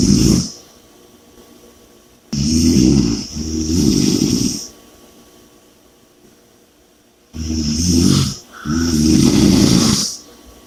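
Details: Heavy snoring with loud rattling snores in paired bursts about every five seconds, roughly 11 breaths a minute, and heavy breathing between.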